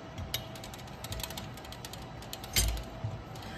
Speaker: go ahead and hand tighten and just make sure you're not stripping the uh screw when you're putting it in there